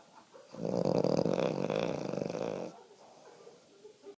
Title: Lush Snoring